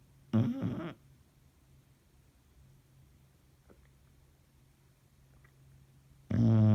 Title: The Snore